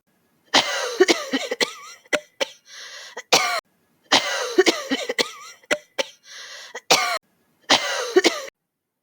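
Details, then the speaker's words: Lung doctor demonstrating airway clearance, five deep nasal inhalations with mouth exhalations, then forced mouth exhalation: two rounds of short forced breathy huffs and coughs with airy exhalations between; acted huff cough to clear phlegm. "deep inhalation through the nose breathe out through the mouth repeating this step for five times in order for the air to get behind the secretions and then do a force exhalation through the mouth or a huff cough"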